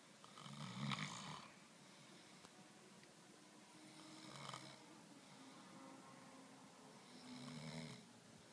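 Three slow, rough snoring breaths with quiet gaps between them, about 20 breaths a minute; ordinary snoring during sleep.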